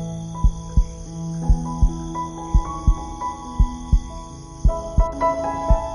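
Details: Steady paired heartbeats at about 57 a minute under soft piano sleep music.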